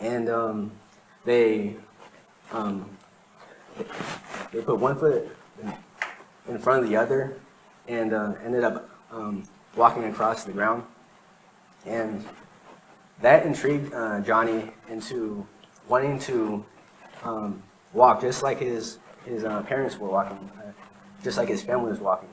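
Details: Real stuttering in a man who has stuttered since he began speaking, recorded between 2013 and 2019 while working to improve fluency; he reports sometimes needing minutes for a single sentence.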